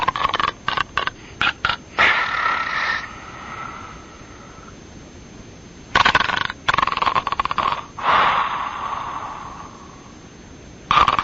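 Loud, harsh snorts and rasping snore sounds, clipped and noisy as if over a phone; imitated snoring for a prank call.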